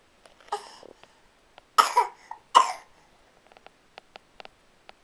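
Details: Sick infant with a cold, tired and upset: several short, weak coughs and throat-clearing sounds with faint breathy noises between.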